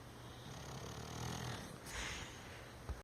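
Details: Bulldog snoring: a low rumbling breath sound with a snorting quality against steady background noise; snoring.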